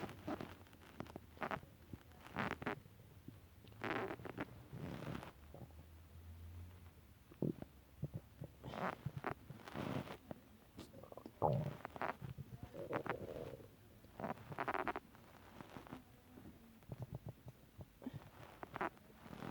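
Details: Stomach growling (borborygmi): low gurgling rumbles and bubbling noises that come and go irregularly, from gas and fluid moving through the gut.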